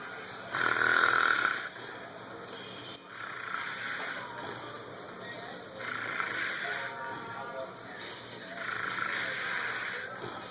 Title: Fat Boy Snores on Lunch Break